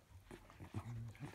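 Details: Dog making a few quick, low snorting pulls with a brief, honking drawn-in snort. Reverse sneezing.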